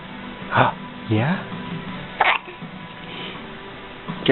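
Sharp, short hiccup sounds, some with a brief voiced squeak, over faint music; repeated hiccups.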